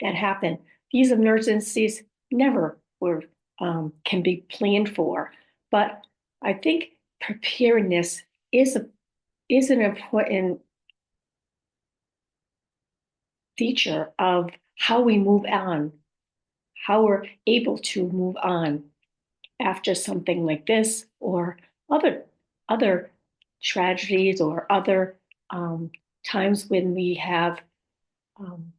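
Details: Speech of a female stroke survivor who reports aphasia, apraxia of speech and dysarthria; aphasia with apraxia of speech and dysarthria.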